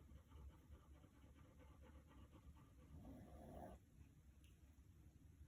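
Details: Rapid, shallow, irregular panting at roughly 230 a minute, typical of a dog, with faint room noise; a German Shepherd puppy that can't sleep beside a snoring Pug.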